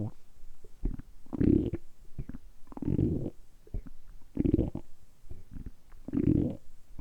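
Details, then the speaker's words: Deliberately produced stomach rumbling in a quiet room: deep gurgling growls, about four longer rumbles with small pops between; normal gut sounds (borborygmi). "今日は単純にお腹を鳴らすだけの動画をお届けしたいと思います。だいたい10分ぐらいずっとお腹を鳴らし続けたいと思いますので、その時のお腹の音をお楽しみください。"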